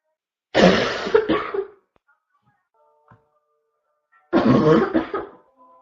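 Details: Female: two bouts of loud, harsh constant coughing, each with two or three rough bursts, separated by a quiet pause; barking cough.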